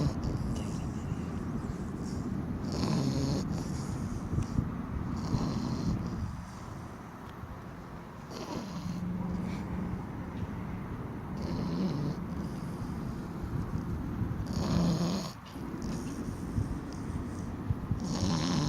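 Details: Stella snoring while sleeping, extremely exhausted after rock hopping at the river: rough, rumbling breathing noises recurring irregularly under loud background noise.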